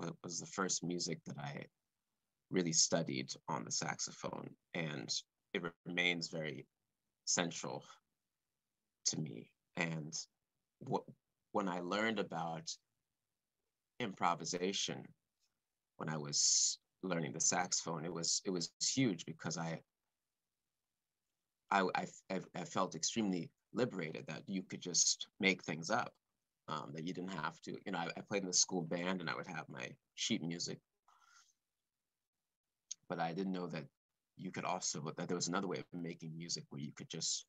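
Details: Adult man speaking live, stuttering since about age four or five, with word and phrase repetitions; stuttering.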